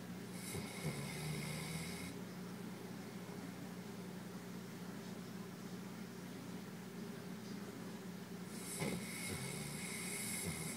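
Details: Golden Retriever asleep and worn out after a flight from Taiwan, two long rough hissing breaths about eight seconds apart over a low hum; snoring.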